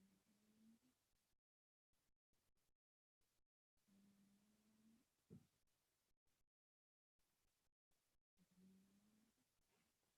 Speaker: If someone is watching, my cat is snoring. Think you can hear her.